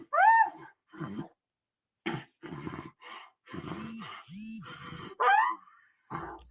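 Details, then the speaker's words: Post-ictal laboured breathing in a daughter after a seizure with body stiffness: separate strained, groaning breaths with voiced gasps and grunts between short pauses as breathing stays difficult afterwards. "she's been doing this thing where her seizure is either over or mostly over and yet she still has trouble breathing for a while afterwards"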